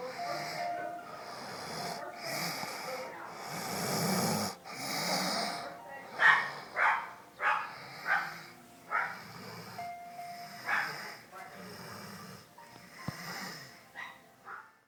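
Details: Daytime snoring in someone who passed out very tired: irregular snorting breath sounds repeating roughly every second or two, with faint background noise.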